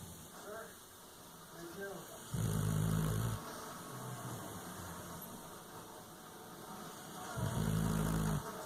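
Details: Sleeping bulldog (Cash) snoring: loud, rumbling snores about five seconds apart, with quieter breaths between them.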